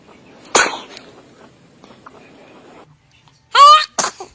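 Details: Baby sneezing: a short, high infant sneeze, then a second sneeze with a brief squeal, in a quiet room with a faint adult voice at the end.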